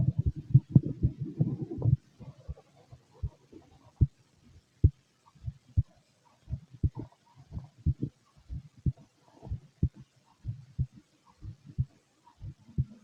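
Soft regular low thumps at roughly 70 a minute, faint gurgling early on: a steady heartbeat.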